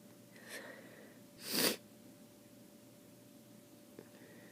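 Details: Person with a wet cold after a weekend at the lake: a soft intake of breath, then a single sharp hissing sneeze in a quiet room.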